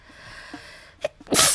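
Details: A short intake of breath followed by a single sharp, hissing burst: one sneeze, followed by apologies.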